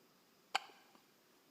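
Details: A single abrupt, short click-like gulp against quiet room noise, typical of a hiccup.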